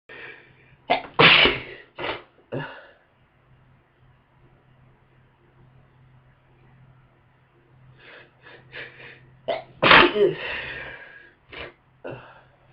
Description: I just woke up with a wicked head cold. It brought really powerful sneezes and a lot of congestion.